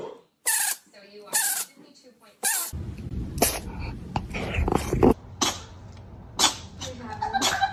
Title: Cat sneeze